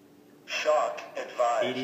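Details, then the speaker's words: AED voice prompt during a simulated cardiac arrest on a pulseless patient in an NREMT psychomotor exam demonstration: a brief synthetic prompt from a training defibrillator analyzing the rhythm, followed by "shock advised." "going to immediately turn the ad on apply pads to Patient chest plug in pads connector next to flashing light one to the patient apply the pads patient please a is analyzing everybody stay"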